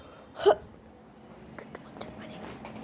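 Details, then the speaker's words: A single sharp, voiced hiccup against quiet room noise, then soft faint sounds, from a person who has hiccups today; hiccup. "Why do I'm getting hiccups today? But why do we get actually hiccups?"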